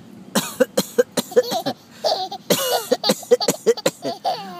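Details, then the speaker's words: A father gives a run of short, deliberate fake coughs while his baby laughs loudly between them: voluntary cough. "why you laugh when I cough oh it's hilarious when I cough huh oh my goodness now you're faking it you're faking the cough"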